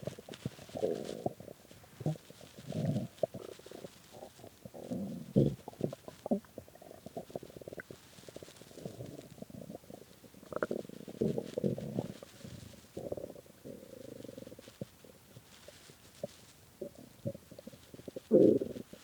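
Long, loud rumbling and gurgling runs with squeaky bursts; hunger stomach growling, a normal bowel sound.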